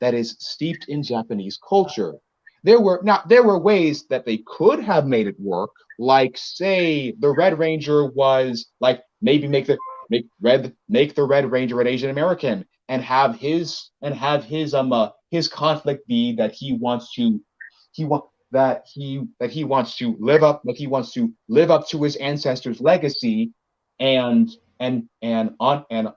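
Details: Male speaker with a self-described speech impediment; disfluent speech with word and phrase repetitions.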